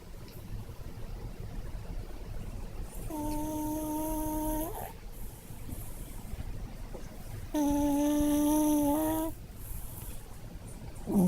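Two long, steady, humming, slightly whistling tones on breathing, a few seconds apart, over a hissy background; snoring in a sleeping small dog.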